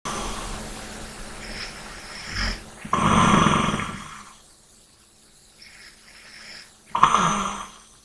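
Harsh rattling snores on breathing in, with quieter breaths out and pauses between, roughly 15 breaths a minute: snoring.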